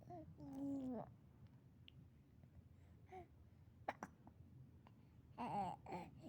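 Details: Baby boy: quiet room with infant babbling and a few brief, sharp catching sounds with soft vocalizing between them; hiccups.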